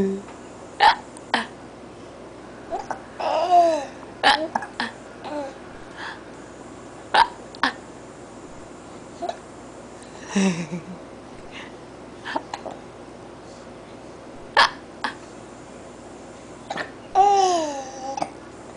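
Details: Infant hiccuping repeatedly with sharp little catches between soft coos and babbling sounds.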